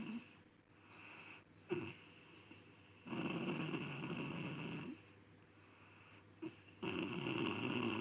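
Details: Sleeping person snoring: long, harsh, rumbling breaths recurring every few seconds, produced during inhalation. Snoring.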